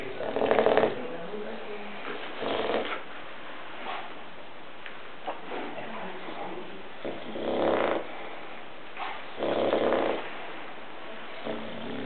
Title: Zoe the Bulldog keeps Sleeping and snoring